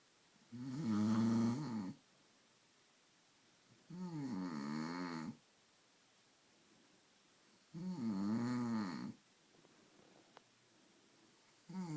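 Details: Loud, rough, vibrating snores on each in-breath, about 16 a minute, with quiet gaps between; typical snoring that has gone on for an hour and keeps the listener awake.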